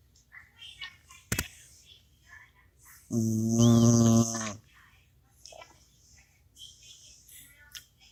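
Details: Pet sleeping soundly and snoring very loudly while the owner's husband tries to wake him; one loud, buzzing snore of about 1.5 seconds over quiet room noise; snoring.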